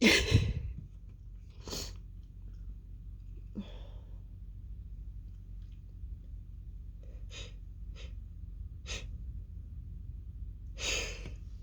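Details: Female with a stifled sneezing fit: several short, muffled, held-back sneezes, then a fuller, louder explosive sneeze at the end, with quiet room hum throughout.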